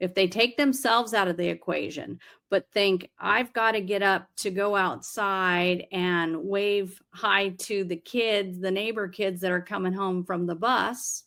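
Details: Adult speaker, conversational; normal fluent speech.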